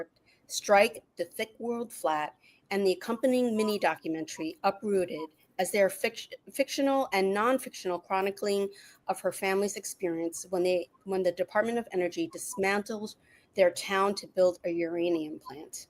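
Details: Adult woman; Normal speech.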